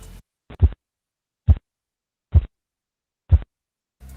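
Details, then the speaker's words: Korotkoff sounds phase IV during blood pressure measurement, nursing class: soft, muffled regular thumps about 70/min, fading in strength as cuff deflates; marks diastolic pressure in children and pregnant women. "En el cuarto ruido es el mismo que en el tercer ruido, solo que comienza a descender la fuerza, o sea, que el ruido es menos fuerte. Este ruido que se va desvaneciendo nos indica la presión arterial diastólica en niños y mujeres embarazadas."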